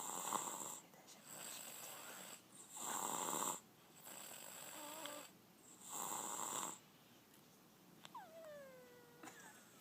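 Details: Baby girl snoring in sleep: repeated rough, rasping snores about every three seconds, roughly 20 a minute, with a brief high squeak near the end; loud snoring likened to a man's.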